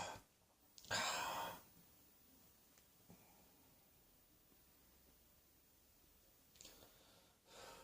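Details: Cross-dressing adult coughing: a single harsh cough burst, a long quiet gap, then the start of another cough; plain adult coughing.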